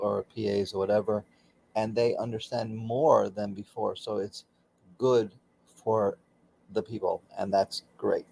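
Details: Aphasia in a man about 16 years after a stroke during surgery that affected his right arm and leg; he continues daily speech therapy.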